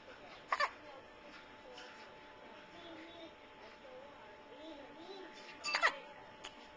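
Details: Infant with hiccups: two sharp, brief hiccup sounds separated by quiet babbling and soft vocal sounds in a small room.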